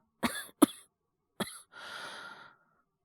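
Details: Simulated cough acted by an adult male voice actor playing a teacher with a cough and fever, not a real illness: three short dry coughs followed by a breathy exhale.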